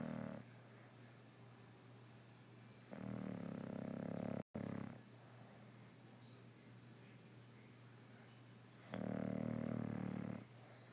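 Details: Snoring: slow, rumbling snores lasting over a second each, separated by long quiet gaps in a small room.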